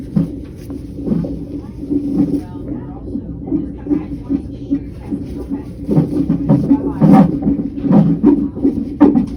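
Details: Fetal heartbeat at 38 or 39 weeks of pregnancy on a labor-and-delivery style Doppler monitor during a non-stress test, with the baby moving: rhythmic whooshing pulses with a steady electronic hum and shifting static.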